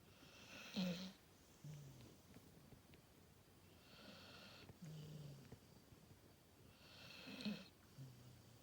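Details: Sleeping dog: slow, rhythmic snorting breaths with a hissing edge about every three seconds; snoring.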